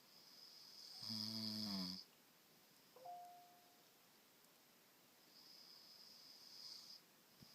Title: Husband snoring